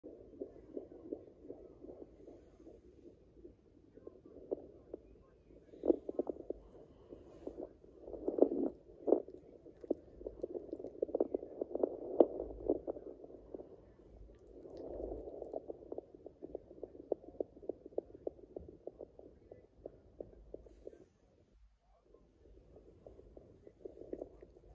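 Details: Doppler on a pregnant Yorkshire Terrier at day 49 of gestation: whooshing with rapid rhythmic pulsing of fetal puppy heartbeats.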